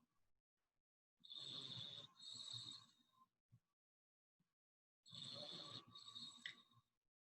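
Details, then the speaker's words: Sleeping dog snoring: two long, rattling snore breaths with a faint whistling edge, about 17 a minute. "i love the snores i have to admit i love when he snores"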